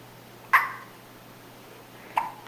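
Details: Hiccups in a 4-day-old newborn girl: two abrupt, sharp hiccups about 1.6 seconds apart over steady quiet room hum.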